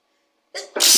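Silence, then a single sharp sneeze: a brief inhaled catch followed by a loud, hissing expulsive burst.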